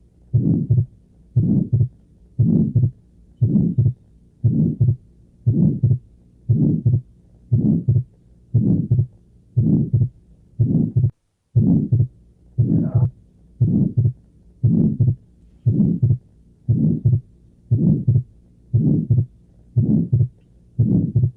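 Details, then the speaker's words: Regular heartbeat near 58 a minute with a soft midsystolic murmur and a split second heart sound: midsystolic murmur with split S2, atrial septal defect. "¿Cómo describirían el soplo que estaba escuchando? Como mesosistólico. ¿Cómo? Mesosistólico. Un soplo mesosistólico asociado con un desdoblamiento del segundo ruido."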